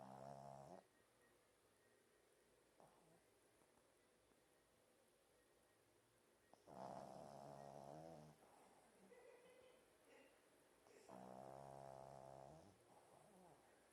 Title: My dog snoring